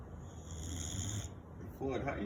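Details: Sleeping boxer dog snoring loudly: low rough rattling breath noise with a snort; snoring.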